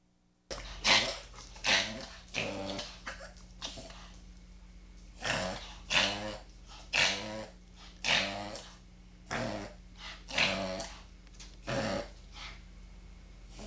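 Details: Dog reverse sneezing: a run of loud, harsh snorting inhalations during a reverse sneeze episode.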